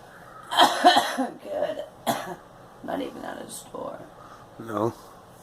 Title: Girl coughing